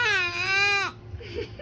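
A single high, clear wail from an infant that drops off at the end, followed by faint fussing and background music. A normal baby cry.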